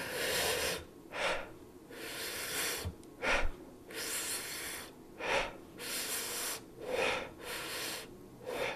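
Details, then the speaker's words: Soft rustling breath sounds through a stethoscope, heard over most lung fields, longer inspiration than expiration with no gap between phases: normal vesicular breath sounds. "الانسبيريشن اطكسيريشن زين يكون لوبي ساوند سوفت ان انتي زين واغلب المكان تسمعها باللنج"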